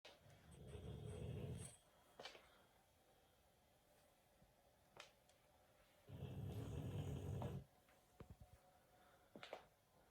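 Low, rumbling snores with quiet pauses between them and a few small clicks, from a sleeping pet in a quiet room.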